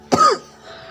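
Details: Cough.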